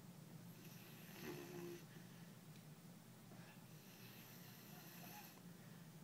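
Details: Soft, uneven snuffling snores with a brief squeaky note over faint room noise from a sleeping English Mastiff puppy, with a Chihuahua trying to sleep next to him; snoring.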